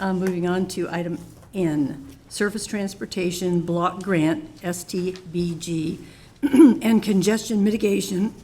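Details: Adult woman speaking; normal speech.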